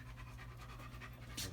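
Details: Older German Shepherd with rear-leg weakness and muscle atrophy, during a chiropractic atlas adjustment: rapid, regular open-mouth panting ending in a louder breathy burst.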